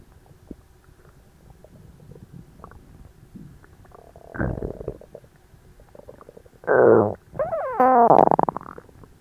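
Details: Loud, irregular gurgles and squeaky rumbles of active bowel sounds (borborygmi) in a person very stuffed after a large Christmas dinner, recorded during digestion, belly described as tight and achy.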